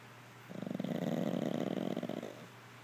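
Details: Pug passed out asleep gives one long, fluttering, rattly snore lasting nearly two seconds; snoring.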